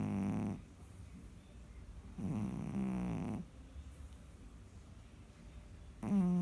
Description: Our empress cat was sleeping and snoring! Such a lady! lol